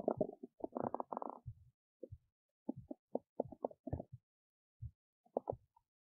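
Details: Big belly noises while digesting oats: irregular gurgles, squelches and low rumbles, active bowel sounds of ordinary digestion.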